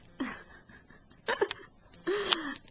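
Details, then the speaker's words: Parrot sneezing, a female bird that sneezed on the owner's glasses during a close snuggle: three short, sharp bursts with brief squeaky tones. "That is a sneeze. Yes. On my glasses."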